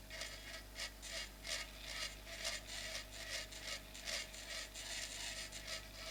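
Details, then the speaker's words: Temporal bone dissection, not a live case, sequentially thinning bone over the vertical facial nerve segment through peripheral air cells. Steady low hum under rhythmic, high-pitched grinding strokes of a surgical burr on temporal bone. "So we'll sequentially thin out this bone. In live situation, you have to use a diamond drill with lots of irrigation."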